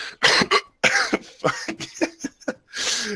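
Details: Person who says that every time they cough, they hiccup, and that it just started suddenly. Harsh coughs, each followed by short, sharp hiccup-like catches in the breath, in a quick irregular run: cough with hiccups.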